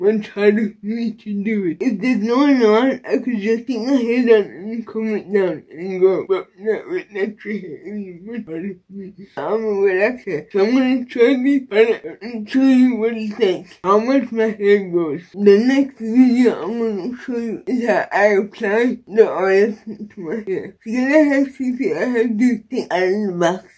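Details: Woman with cerebral palsy and a Baclofen pump, previously hospitalized after a Baclofen pump overdose; dysarthria.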